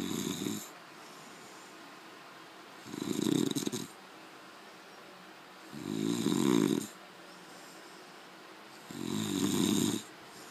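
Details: Snoring: loud, low, rattling snores on each in-breath, about one every three seconds, with quiet pauses between.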